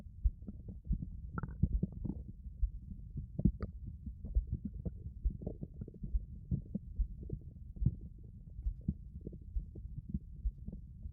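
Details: Continuous low rumbling with irregular soft pops and gurgles recorded close up with a 3Dio binaural microphone: ordinary stomach growling (borborygmi).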